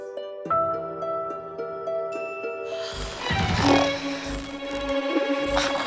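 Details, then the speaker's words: An adult woman with severe insomnia, napping and unaware that she snores: rough, rattling low snores in repeated bursts over gentle background music: snoring. "코끼리 잡고 모르거나 바꾼 코를 저렇게 보라 것끼리 가 보는 걸 겁니다"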